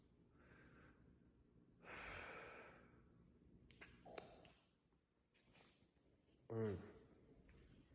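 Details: Male sneezing: breathy intakes, then a short explosive burst near the end that fits a sneeze, over quiet room noise.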